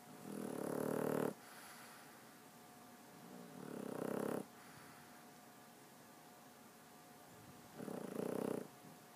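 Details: Snoring: three rough, rattling snores in 9 seconds, about 20 breaths a minute, with a steady faint hum in the room.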